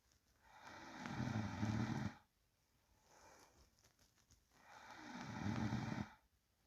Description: Real sound of sleeping person breathing and low snoring.